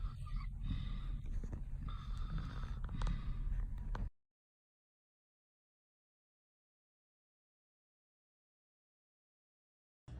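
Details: Mother or sister, who claimed not to snore, recorded asleep: low, rough snorting breaths with a gasp-like quality, followed by silence; snoring during sleep.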